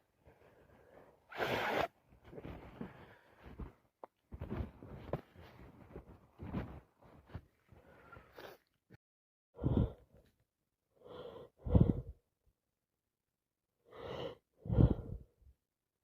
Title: Wet messy cold sneezes